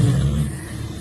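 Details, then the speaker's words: Loud, rough, low rumbling snoring from a pet sleeping deeply under the bed at night, head resting on a phone, loud at first then fading; owner calls the snoring terrible. "ঘস ঘস করে নাক ডাকছে, কোনো যে হুঁশ নেই ওর। খাটের তলায় গিয়ে মাথা দিয়ে ফোনে নাক ডেকে ঘুমাচ্ছে।"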